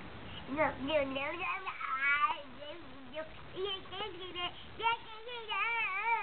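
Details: Fussy infant crying in short rising and falling wails with pauses between, in a small room; an ordinary infant cry.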